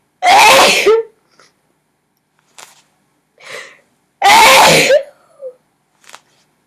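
Two loud, explosive sneezes about four seconds apart, with small sniffs and breaths between; repeated sneezing.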